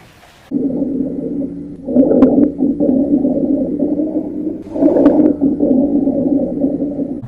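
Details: Continuous musical wheeze and low-pitched, snoring rhonchi on auscultation, described as caused by airway obstruction as in bronchial asthma and COPD.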